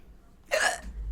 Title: on Twitch has hiccups again 딸꾹질 ❤️